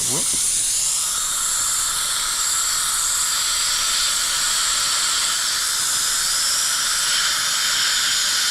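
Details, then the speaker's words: Loud continuous high-pitched whine and hiss of a high-speed dental handpiece with water spray and a thin black diamond bur doing initial rough occlusal reduction of upper right molar (tooth #3) after crown removal. "Okay, back to our skinny black diamond to do our initial rough roof."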